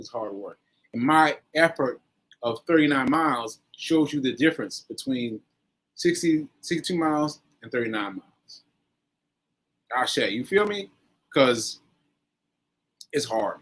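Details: Post-stroke aphasia in an adult man, about one year after a stroke on 7/14/22, still recovering, with word-finding difficulty; aphasia (post-stroke).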